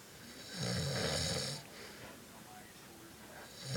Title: Dad Says He Doesn't Snore.